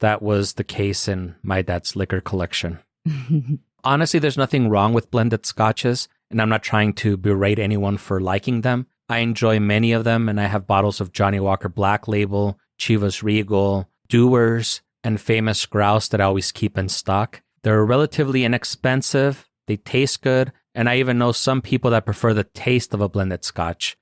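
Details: Adult male speaker; normal voice.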